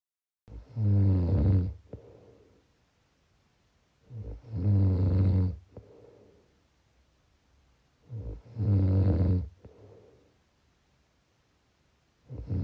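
Loud, rhythmic low rattling snores on each inhalation, about 16 a minute, with quieter exhalations between.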